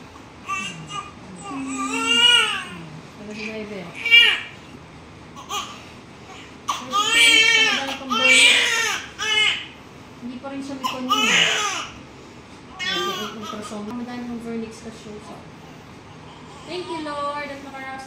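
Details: Loud, high-pitched crying bursts from a baby boy born at 42 weeks AOG, just after delivery, still covered in much vernix, with room noise; a normal newborn cry.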